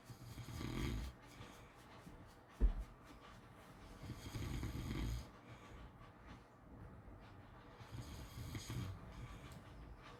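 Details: Soft, low snores coming and going with the breaths over faint room noise: snoring during sleep.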